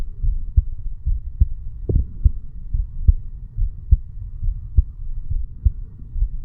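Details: Heartbeat of a 35-year-old male sitting on stairs, recorded over the bicuspid (mitral) valve area: steady low thumps about 71 beats a minute with soft background hum; normal heart sounds.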